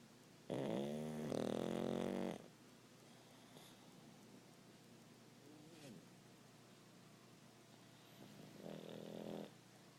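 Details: 8-year-old Kona snoring in deep sleep.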